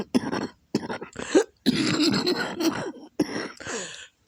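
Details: Adult with lupus flare and congested lungs, coughing so hard as to vomit, back and chest hurting: harsh, wet coughs in several bursts with throat clearing between; productive cough with mucus.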